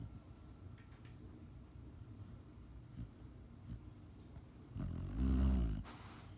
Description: Picked up my almost 6 month old Rottweiler puppy Pepper from her professional training and when she got home she is knocked out. Hear her cute snore.